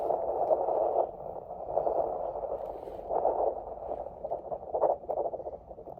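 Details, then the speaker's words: Muffled, rapid whooshing fetal heart tones through a handheld Doppler at a 27-week prenatal visit (ASMR OB-GYN role-play). Tones are within normal limits, averaging in the 160s; fetal heartbeat on Doppler. "Heart tones are within normal limits. They are averaging in the 160s today."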